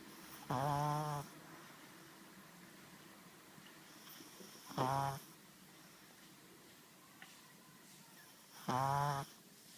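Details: Four-month-old pug puppy asleep inside a jacket: three short buzzing snores about every four seconds with quiet breathing between; snoring.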